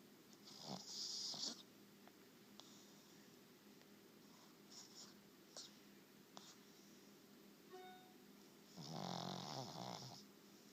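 Two loud, rasping snores from a sleeping dog, with faint background music and room noise between them.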